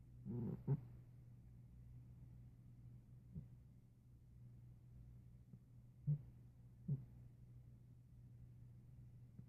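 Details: A nearly 5-year-old former stray cat snores fairly loudly while asleep: a steady low rumble with soft snorting bursts every few seconds as it breathes in.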